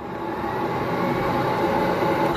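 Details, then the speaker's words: Steady loud whooshing rush of a Philips mechanical cough assist on its plus (air-in) setting, pushing air into the lungs, demonstrated by a person with a muscle-wasting disease (tagged DMD). "das Prinzip ist eigentlich ganz einfach entfernt Luft reingepumpt und das die Luft ziehe ich dann ein und dann werden ein Hebel umgestellt die Luft wird gesungen"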